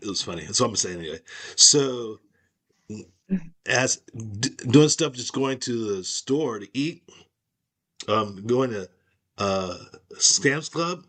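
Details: Aphasia caused by stroke, in an adult woman.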